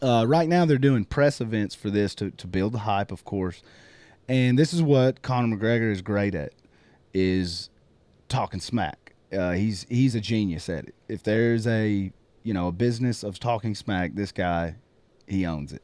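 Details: Adult male speaker; typical speech.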